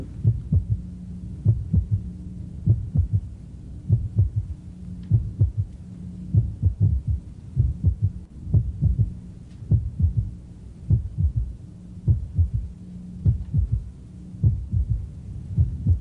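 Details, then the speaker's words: Very loud third heart sound heard with the bell at the apex: low-pitched heartbeat with a loud extra thud just after S2, a filling sound; in a patient with dyspnea or prior infarction it suggests left ventricular failure. "now then moving out this is the old Milwaukie of third hearts and you will never hear another one this loud"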